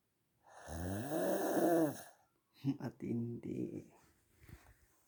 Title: Funny Loud Snore